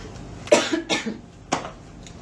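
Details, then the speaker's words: Three short, dry cough bursts over a steady room hum from a girl remarking on how bad her cough is; a plain cough. "Nossa, tô na tosse esse tamanho"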